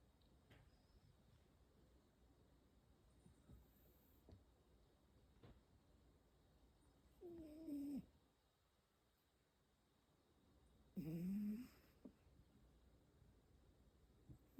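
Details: Calico cat snoring: two short, nasal, squeaky snores a few seconds apart during quiet breathing.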